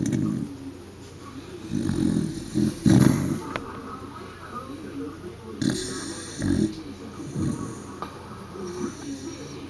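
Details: Rough, rumbling snores in repeated bursts with steady room noise behind; ordinary snoring.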